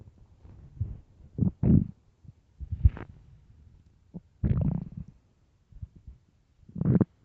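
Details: Hungry, empty-stomach growling (borborygmi): low, irregular gurgles and rumbles.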